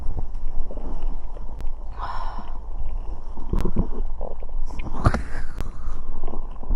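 Low rumbling and gurgling with occasional squelches under steady low noise; stomach growling, a normal gut sound.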